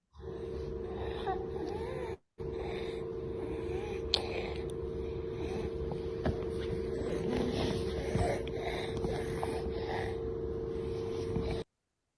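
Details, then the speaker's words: Toddler with recurrent noisy breathing due to subglottic stenosis: harsh noisy breathing heard on both inspiration and expiration, biphasic stridor. "Okay, yes. So if you can hear a sound both in inspiration and expiration."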